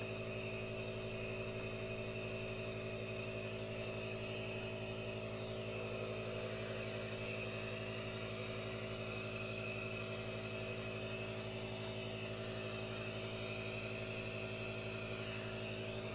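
Steady mechanical hum with a constant airy hiss, unchanging throughout. A nebulizer running.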